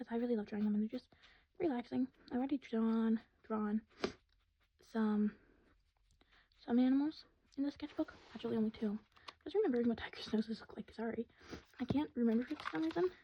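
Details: Woman who has stuttered all her life, with word repetitions; stuttering.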